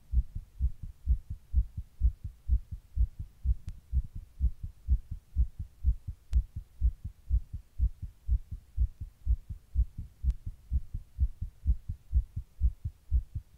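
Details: Fast regular heartbeat about 125 beats per minute, recorded while sitting in 100-degree heat during a heatwave; tachycardia.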